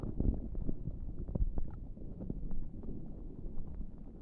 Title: Not pressing on my tummy for making noises for you 🫶